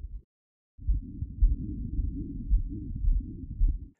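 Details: Real patient with aortic stenosis, murmur loudest at aortic area (right upper sternal border), radiating to carotids: low heart sounds about 109 a minute with whooshing crescendo-decrescendo ejection systolic murmur between beats.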